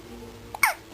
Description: Baby Hiccup sound